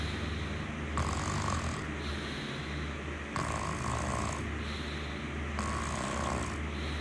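Steady, rough snores repeating about every two seconds against constant room noise. Ordinary snoring during sleep.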